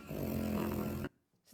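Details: Stertor in a brachycephalic dog during a BOAS assessment, heard at rest or after a trot exercise stress test at about four miles per hour.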